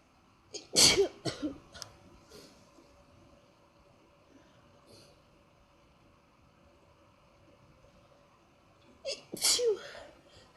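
Two bursts of sneezing, each a quick breath in followed by explosive sneezes, separated by several seconds of quiet.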